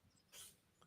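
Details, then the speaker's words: One short, hissy cat sneeze, faint in the background of a live stream against quiet room noise; cat sneezing. "don't know if you can hear a sneezing cat in the background yeah I heard a dog or a cat cat just sneezed"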